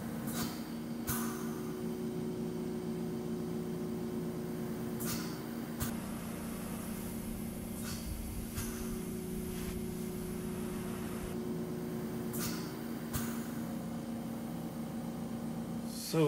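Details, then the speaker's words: Adult breathing through a repurposed BiPAP machine fed by an oxygen concentrator as a DIY ventilator experiment, blood oxygen around 93–95%; steady machine hum and airflow with occasional clicks and puffs, running normally. "so now I'm gonna do is hook up the Machine and breathe out of it and see if that level goes up"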